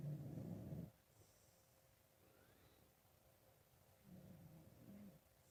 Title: Yep still snoring. Sounds kind of gross...